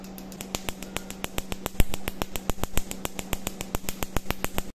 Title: ND Yag Laser Tattoo Removal from Shoulder Area